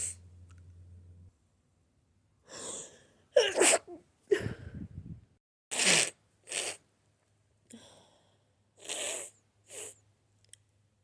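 Several audible in-breath buildups followed by about five forceful, explosive sneezes; repeated sneezing.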